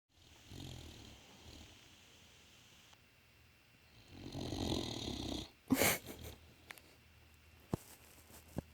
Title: Snoring Great Dane dog